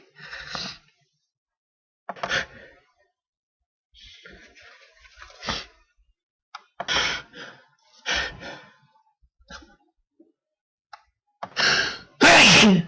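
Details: Natural, uninduced sneezes caught on the second day of recording: several gasping in-breaths build up, then a loud, explosive sneeze closes the sequence; sneeze.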